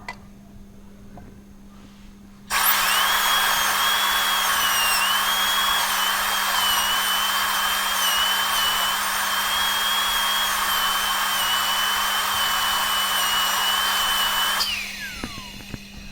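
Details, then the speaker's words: Steady high-pitched whine of a dental drill for about twelve seconds, then winding down, in a class 1 cavity preparation on maxillary premolar tooth 14: dental handpiece drilling. "So we will be starting with the mesial cavity. We will make a mesial cavity and then we will make a distal cavity, okay."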